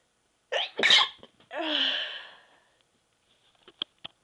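A sharp intake and two quick explosive sneezes, then a trailing voiced sound and a few small clicks; ordinary sneezing.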